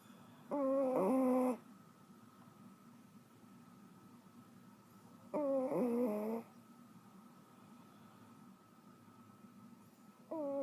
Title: My dog snoring